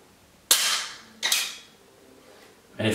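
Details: Two sharp snapping clicks as the spring-loaded applicator fires to insert a Dexcom G6 continuous glucose monitor sensor into an adult man at his first self-installation.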